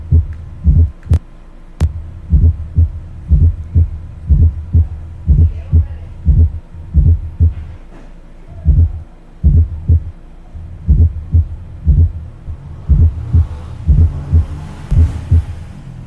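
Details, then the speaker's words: Fourth heart sound (S4, atrial gallop): regular low heartbeat about 60 a minute with an extra soft low sound just before each first sound. "Y al cuarto ruido se le conoce también como galope auricular."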